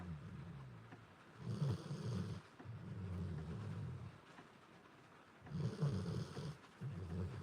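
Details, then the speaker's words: A sleeping dog gives low, rumbling snores in repeated bursts a few seconds apart, with faint rain and frogs outside: ordinary snoring. "Hopefully you can hear it over the snoring. If not, sorry. Not sorry to listen to cute doggy snores."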